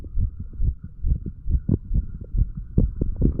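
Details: Heart sounds of a 35-year-old man after drinking too much alcohol, self-recorded with a stethoscope a couple of hours after going to bed, moving from mitral to tricuspid area: rapid, regular low thumps, roughly 140 a minute, over steady hum.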